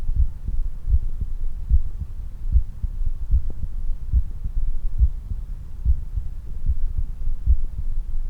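Regular low heartbeats at about 73 a minute, strong and even; normal heart sounds recorded after exercise.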